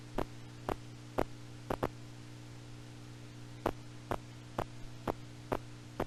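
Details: Needle EMG, spontaneous activity not caused by needle movement, patient not voluntarily firing: irregular repeating bursts of crackling pops over a steady hum, like soldiers marching out of step; myokymic discharges.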